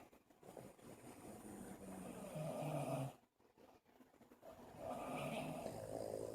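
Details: Buddy, a sleeping dog, snoring: loud, rough, rattling snores with short quiet pauses between breaths.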